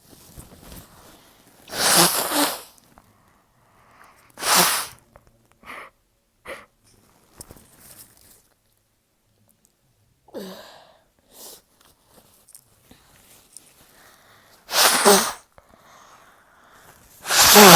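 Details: Person with a stubborn blocked nose sneezing: four forceful, explosive sneezes separated by sniffs and quieter breaths; ordinary sneezing.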